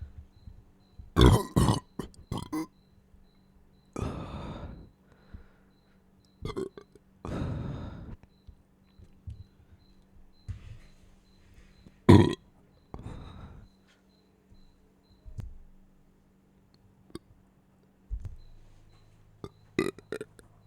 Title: burping after my meal